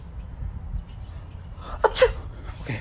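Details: Single sharp sneeze, with a quick inward catch and explosive burst near the end, in a quiet room; a person who announced beforehand that they felt a sneeze coming.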